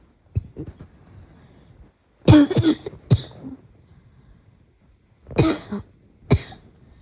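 Bursts of deep, harsh coughing, a double cough then single coughs, separated by quiet pauses; a morning cough.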